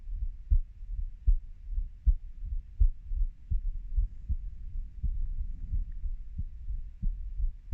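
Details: Heartbeat of a 30-year-old, recorded by the person themself: regular low paired thumps at about 79 beats a minute.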